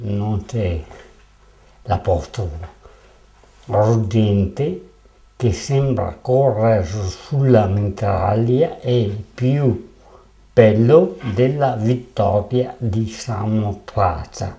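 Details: Aphasic reading aloud with word errors, from the artwork 'Velocità Zero' (Venice Biennale 2007), which presents aphasia; aphasia.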